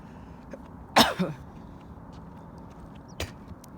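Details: A single harsh, throaty productive cough with a quick follow-on clearing sound, an adult woman bringing up phlegm from her chest while jogging and walking backwards outdoors.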